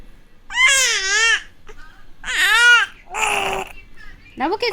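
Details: Infant girl crying, loud high-pitched wailing in several separate bursts with brief pauses between.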